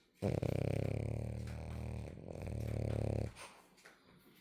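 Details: French bulldog snoring in sleep: loud, low rattling snore on a long inspiration, fading into softer breathing noises.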